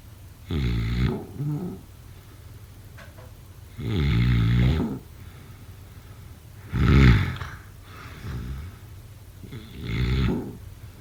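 Deep, throaty snores about 20 a minute, each with a softer snort or follow-on breath and some steady background hiss. Ordinary snoring.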